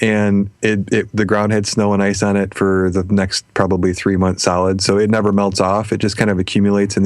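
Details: Adult male speaker; Normal speech.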